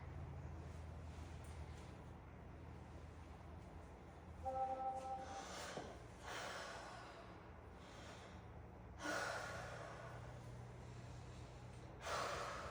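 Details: A 12-year-old during a nurse's respiratory assessment breathes through the mouth a little harder than normal as the stethoscope is placed on the back. Slow, deliberate deep breaths with no wheeze or noisy breathing; normal breathing, lungs clear.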